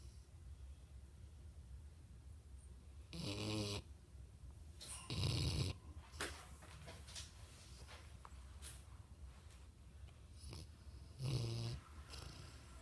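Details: Mastiff dog snoring in its sleep: deep, rumbling snores with snorting breaths, a few in under a quarter minute, in a quiet room; heavy snoring.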